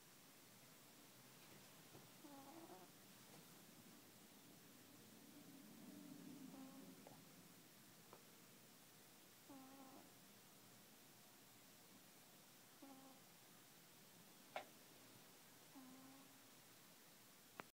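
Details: Pet cat snoring while asleep: short, buzzy rasps about every three seconds, roughly 18 breaths a minute.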